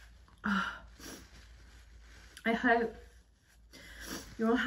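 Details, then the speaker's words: Woman sneezing while wrapping presents, her nose irritated: three sharp bursts with sudden breath release in a quiet room. "nothing much I can really do about that when I feel one coming they just have to come out you see so oh that one was stuck"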